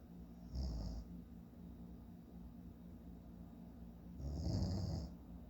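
Two low, rattling snores about four seconds apart, quiet breathing between: ordinary snoring during sleep, roughly fifteen breaths a minute.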